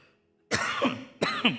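Two short, sharp cough or throat-clearing bursts from an adult, after a brief near-silent pause.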